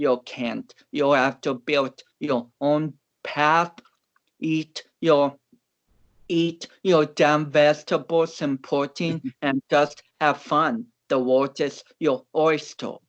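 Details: Speech of a man of about 29 with cerebral palsy, an athlete and powerlifter whom doctors had not expected to walk or talk.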